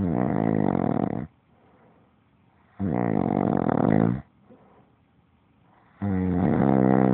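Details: Person who snores every night: loud, deep, vibrating snores lasting over a second each, about every three seconds (around 20 breaths a minute), with quiet exhalations between them.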